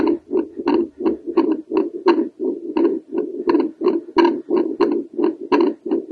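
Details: Doppler heart sounds from a female over the tricuspid valve: rhythmic whooshing pulses at about 86 a minute with faint clicks.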